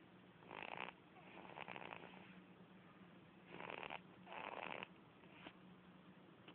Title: Baby snoring... Just like mummy & daddy.lol.